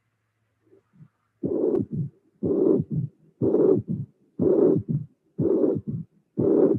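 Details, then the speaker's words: Regular heartbeat about 61 a minute: loud systolic regurgitant murmur, third sound, then a short low-frequency diastolic rumble (relative mitral stenosis from high flow, no true stenosis); mitral regurgitation. "I hope that you appreciate the fact that after the third sound there is a a a small mmur very short low frequency different from the Regan jet"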